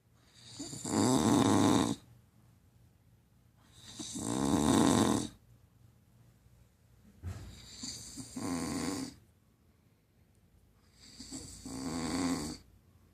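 Four rough, rattling breaths about 3 seconds apart, roughly 18 a minute, with quiet pauses between; snoring.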